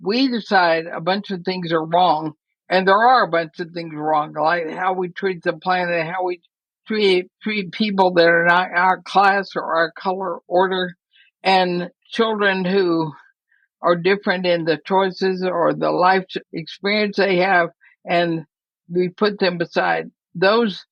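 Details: Woman near 80 diagnosed with ALS (Lou Gehrig's disease), who says she already has quite a bit of trouble speaking but is still intelligible; dysarthria (ALS).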